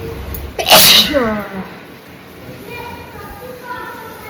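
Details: One loud explosive sneeze with a brief voiced trailing sound and quiet background talk, from a woman during a sneezing and nose-blowing challenge; her bindi came loose from sneezing.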